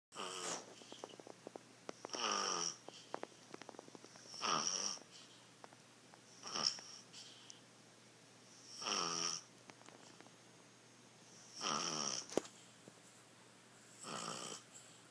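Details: Puggle dog home about two hours: rhythmic, rattling, whistling snores with each breath, about 27 a minute, in a quiet room: snoring.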